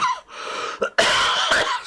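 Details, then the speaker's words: Adult live-streamer ill with a lingering cough for over a week: two or three short, harsh cough bursts with a throat-clearing quality, in a small room. "and then then I can stop coughing in all your years thank God I'm not coughing in your actual faces otherwise you would be really annoyed with me"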